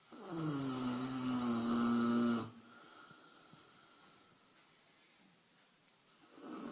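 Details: Loud droning snore lasting about two seconds from a 155-pound Rottweiler, followed by quiet breathing and the start of a second snore; ordinary snoring.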